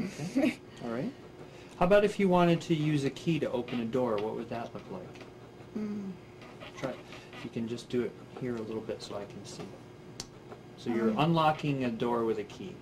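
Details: Adult speaker; normal speech.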